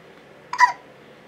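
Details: Infant son with hiccups, recorded on a Canon HF M506 camcorder: a single short, abrupt voiced catch against quiet room noise; hiccup.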